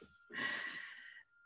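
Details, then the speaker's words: A dog sleeping at its owner's feet during an online talk makes a single rough, noisy snoring breath over a steady electronic whine. "just a side note if you all can hear that my dog is snoring at my feet and uh so if you're hearing that that's what you're hearing"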